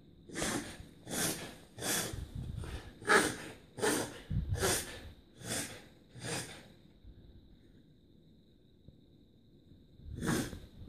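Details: Whippet dog reverse sneezing: a rapid run of loud, harsh snorting inhalations. The episodes recurred for weeks and then resolved; the owner suspects an allergy.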